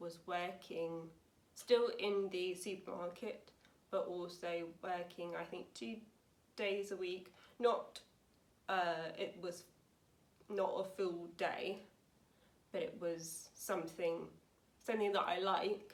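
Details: Woman aged 28 with aphasia after a severe stroke in 2009 at age 18, recorded about nine years post-stroke; aphasia.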